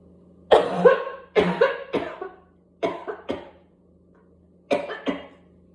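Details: Person with whooping cough in a coughing spasm until gagging, spitting and vomiting: about seven harsh coughs in close clusters with brief pauses, no clear whoop; whooping cough paroxysm.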